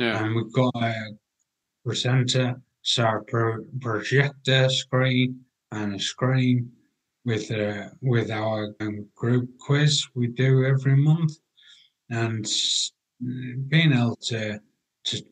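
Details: 43-year-old man with aphasia after a major car accident six and a half years earlier, with coma, ICU and 11 months in hospital; language breakdown and difficulty getting words out; aphasia.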